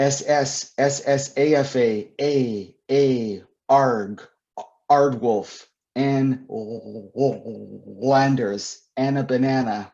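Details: Adult male author and poet who describes himself as a person who stutters; stuttering.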